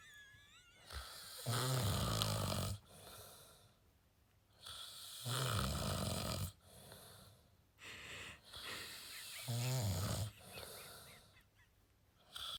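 Loud, rattling snores about 16 a minute, with softer breathing sounds between them; sleep snoring.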